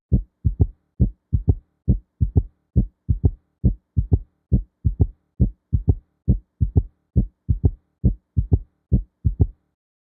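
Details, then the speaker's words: Third heart sound (S3 gallop) in a teaching demonstration: regular low heart sounds at about 68 per minute, each followed by an extra early-diastolic sound just after S2, in a "Kentucky" rhythm. "Let's now move on to S3, otherwise known as the third heart sound. This heart [music] sound occurs during early diastily just after S2."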